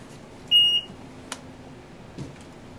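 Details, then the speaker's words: Cardiac Science G3 Plus AED self-test failure alert: a single short, loud, high-pitched chirp like a smoke detector's over low room hum, here prompting a check because the pads were unconnected. "not only will the unit have a red dot with an X through it but it will also emit a loud audible chirp similar to that of a smoke detector to alert us to come and check the unit"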